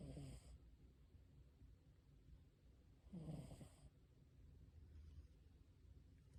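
Soft, low snoring breaths about three seconds apart, faint against background rumble. Snoring.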